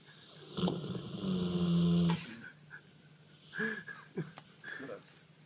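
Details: Dog dreaming during sleep: a loud, low rumbling snore, then softer snuffles and small whimpering sounds; snoring.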